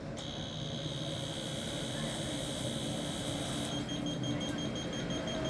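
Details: Steady high-pitched electronic tone over room noise, then a shift to a pulsing beep: the activation tone of an electrosurgical diathermy unit during a performance test with cut set at 206 and coagulation at 108.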